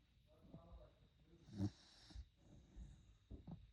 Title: Snoring puppy #snoringdog#funnypets #funnydogs #petslife